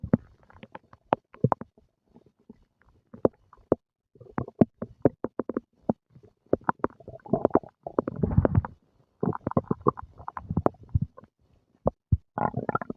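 Repeated gurgles and low rumbling pops from the belly, with short gaps between bursts: ordinary stomach growling after a meal, a normal finding.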